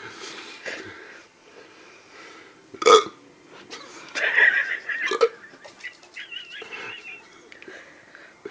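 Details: Hiccup attack: several abrupt hiccup-like catches and a longer burp-like sound, irregularly spaced, with some voice in between.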